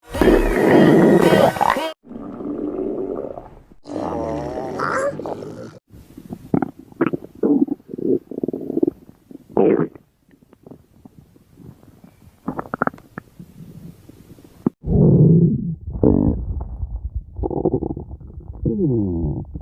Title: stomach growling compilation 2025-2026